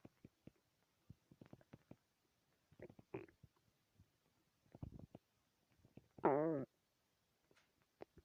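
Scattered gurgles and clicks, then a loud drawn-out rising and falling growl near the end: normal stomach growling.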